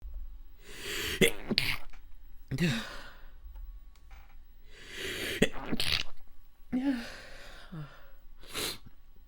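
Several wet, held-back sneezes in quick succession, each preceded by a short intake of breath; ordinary stifled sneezing.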